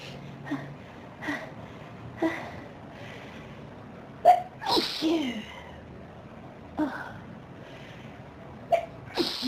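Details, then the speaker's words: Several sharp, explosive sneezes in quick succession, each with a short catch of breath before it; an intense sneezing fit. "Oh, wow. This is a big sneezing fit."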